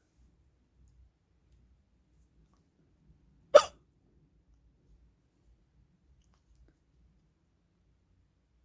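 A single abrupt, short hiccup sound in near silence, typical of a hiccup.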